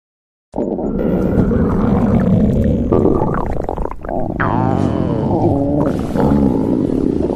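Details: Borborygmi: loud, continuous, low gurgling and rumbling stomach growling with shifting pitch, from gas and fluid moving.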